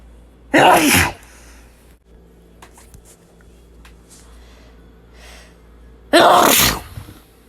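Two loud, explosive sneezes several seconds apart over faint room noise; ordinary sneezing.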